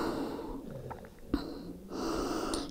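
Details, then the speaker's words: Loud snoring heard during a yoga class: rough, noisy breaths with a brief snort in between in a quiet room. "can hear snoring loudly"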